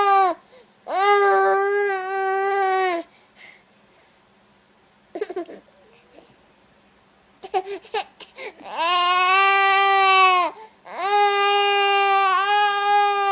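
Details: Young child crying, mother comforting: long, loud wailing bursts with sobbing catches and gasping breaths between them.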